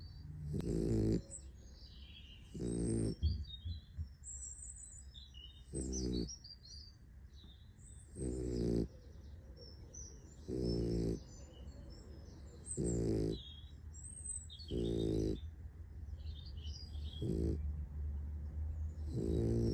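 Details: Sleeping puppy snoring: rhythmic rumbling snores, about eight over twenty seconds, with quiet pauses between.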